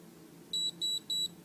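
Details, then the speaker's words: Nu Skin body galvanic device for lymphatic drainage: operator with gel on hands touches the metal sides, makes contact, then presses the button; three short, even, high-pitched beeps confirm contact and readiness; device confirmation beeps. "And then what I'm going to do is I'm going to make contact like this first, and then press the button so that hopefully you get the 3 beeps."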